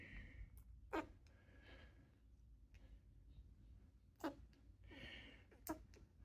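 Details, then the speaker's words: An untreated pet rat with respiratory mycoplasmosis, sides heaving with laboured breathing: three sharp little cough bursts over soft noisy breathing. "Right. Now that's what Myco looks like. He's not doing good. See how he's coughing?"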